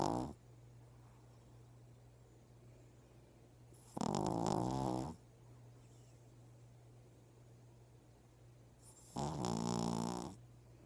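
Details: A small sleeping animal gives loud, rattling snores, about twelve a minute, over a steady low hum: snoring.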